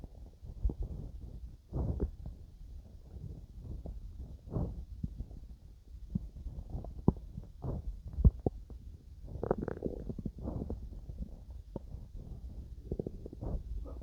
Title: my stomach growling while digesting some food